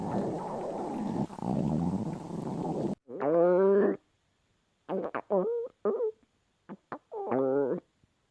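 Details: Young woman in a swimsuit with a hungry stomach: rumbling, gurgling growls with squeaky, bubbly bursts after a noisy start; loud stomach growling (borborygmi) from hunger.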